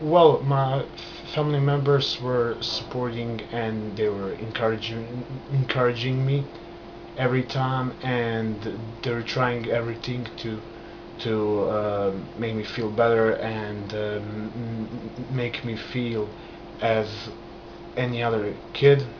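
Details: Adult man stuttering since childhood, onset after a trauma, still present, managed with hand movements and breathing; stuttering.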